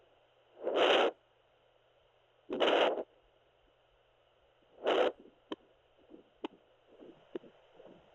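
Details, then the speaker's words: Home fetal Doppler held on the pregnant wife's abdomen, twin pregnancy with kicks already felt; hissing static bursts over a faint hum, then clicks, no heartbeat heard: fetal Doppler operating sound. "Okay, so there we go. Now I can hear it working."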